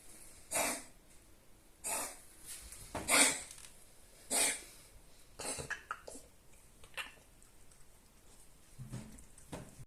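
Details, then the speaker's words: A small dog, a poodle, with kennel cough gives repeated harsh, hacking coughs with gagging. "симптомы собака хрипит кашляет отхаркивает белую пену и слизь"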